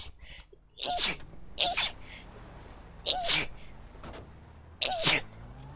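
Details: Female streamer's character in a GTA roleplay stream sneezing nonstop for about two minutes: four sharp sneezes in quick succession, each with a brief intake before it.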